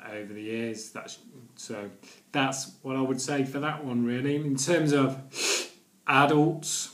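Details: Stuttering (stammering) in an adult man, present daily for nearly 40 years.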